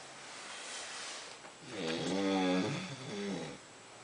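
A breathy inhaled rasp followed by a low, buzzing voiced snore on the breath out, in a quiet room; ordinary snoring.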